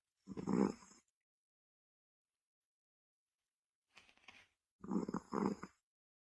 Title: Funniest cat 😂 Mommy says i snore like an old man 😂😂